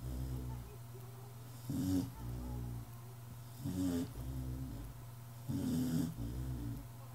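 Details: Repeated rough, low snoring bursts with quieter breathing between, in a sleeping animal; snoring.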